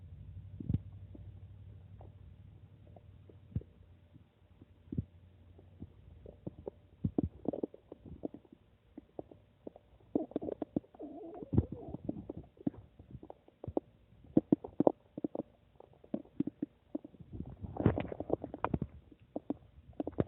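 Irregular gurgles, squelches and low rumbles from the belly in a quiet room: ordinary stomach rumbling.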